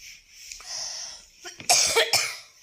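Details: Two or three short, dry cough bursts after a quiet breath in a small room, heard during a household vlog by a woman who says she is unwell; cough.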